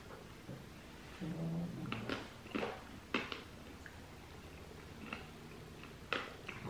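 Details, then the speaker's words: Sleeping pug snoring: a low, rumbling snore with scattered clicks and tapping in a small room; the snoring is brief and partly masked. "Guido's snoring over here. And a cherry. Just in case you hear that rumbling, that's the pug sleeping."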